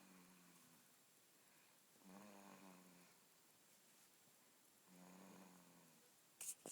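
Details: A female sleeper described as snoring very loudly: two quiet, low, buzzing snores about three seconds apart in a quiet room. Snoring.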